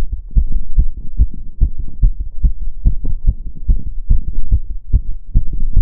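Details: Person's own fast heart sounds during step-up exercise, rapid strong regular heartbeats about 140–150 a minute; normal exertional rapid heart rate.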